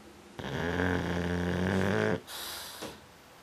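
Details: One long, loud, fluttering snore on the in-breath, then a soft out-breath, from a dog snoring with his eyes open; snoring.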